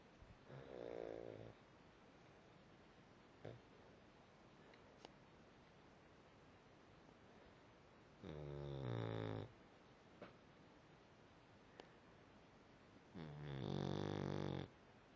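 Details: Three slow, low rumbling snores about six seconds apart in a quiet room, roughly ten breaths a minute; one sleeper snoring while another sleeps.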